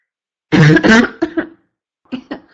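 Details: Constant cough; a harsh, hoarse double cough followed by smaller hacking coughs, five bursts in all: barking cough.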